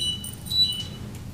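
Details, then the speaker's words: Blood glucose monitor alarm during a school board meeting: brief high-pitched electronic beeps with faint room noise; wearer says everything's fine. "Yeah, my blood sugar alarm, but everything's fine."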